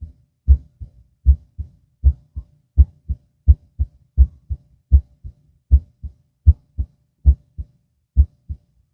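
Steady paired lub-dub beats, a louder first sound then a softer second, at about 85 a minute; normal heart sounds with nothing extra between beats.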